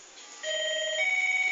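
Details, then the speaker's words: Short electronic two-tone chime from a home peritoneal dialysis machine, set up by a 14-year-old girl on dialysis, signalling it has detected all the bags; dialysis machine alert tone. "Voilà, donc la machine est contente, elle a bien détecté toutes les poches."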